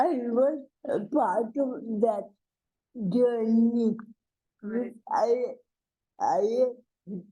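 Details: Adult woman with cerebral palsy speaking in a conversational interview: dysarthria (cerebral palsy).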